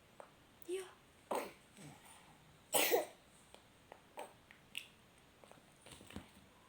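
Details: Young child coughing while learning colours: several short, dry coughs in a quiet room with brief vocal sounds between them.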